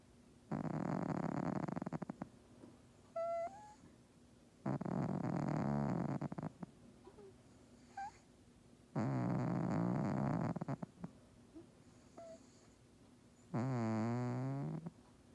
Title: Our cat Bob snores so loud!